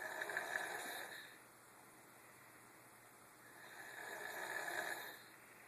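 Two slow, rough, rattling breath sounds in a quiet room, with a pause between them, fitting loud snoring in a child.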